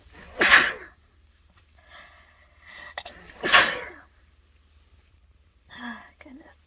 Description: Still so stuffed up from my cold, decided to try a dose of chhinkni and could not stop sneezing.